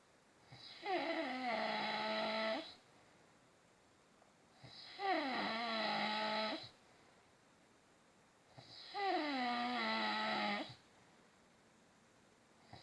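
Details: Father asleep: three long, buzzing, rattly snores on the in-breath, roughly fifteen breaths a minute, with quiet pauses between; snoring during sleep.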